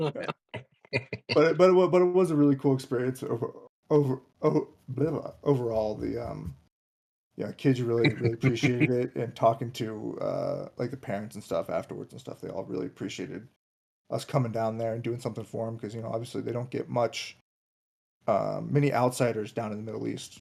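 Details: Adult man, a commercial pilot, who reports having a stutter that can sound like choking; stuttering.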